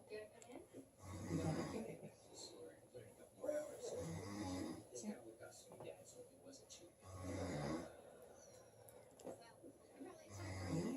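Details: A child's father snoring: repeated deep, rattling snores about every three seconds, while a young child laughs and babbles in the background; ordinary snoring.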